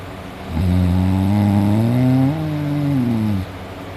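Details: Person sleeping at night, snoring heavily and drooling: one long, deep, rumbling snore of about three seconds, rising slightly in pitch before fading; snoring.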